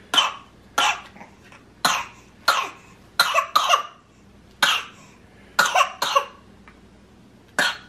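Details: About eleven short, harsh coughs, some in quick pairs, roughly every half second to a second, from a baby fighting a cold; cough from a cold.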